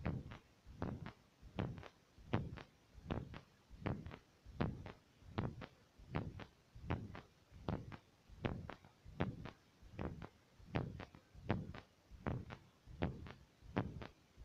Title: Fast 2 heartbeat stethoscop